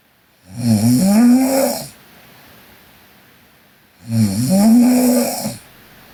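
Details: A sleeping Korean girl: two loud, drawn-out snores, each about 1.5 seconds long, with a quiet gap between them; ordinary sleep snoring.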